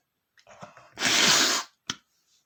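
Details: Adult male sneezing after smelling flowers, at first trying to hold it back: a few stifled catching breaths, then one loud explosive sneeze and a short follow-up burst; an ordinary sneeze.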